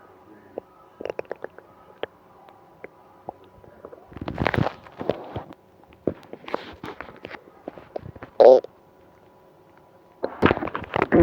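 Irregular gurgles, pops and bubbling bowel sounds in bursts with quiet gaps between; active stomach rumbling.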